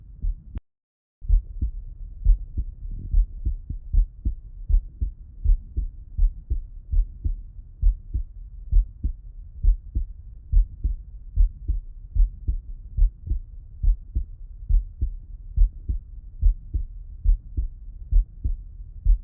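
Steady low thumps in paired lub-dub beats at roughly 70 a minute, heard through a stethoscope with the person lying on the left side. The rhythm is regular with no clear extra sounds, consistent with normal heart sounds.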